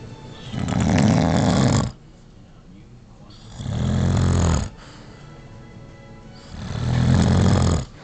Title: Caught snoring